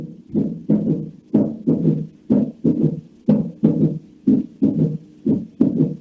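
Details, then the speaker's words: Regular low heart sounds about 60 a minute with an added early diastolic sound from rapid ventricular filling, giving a galloping rhythm; third heart sound (S3 gallop, "Kentucky gallop"). "Entonces, el S3, que se conoce como llenado rápido ventricular, lo conocen también como galope de Kentucky, se ausculta de la siguiente forma."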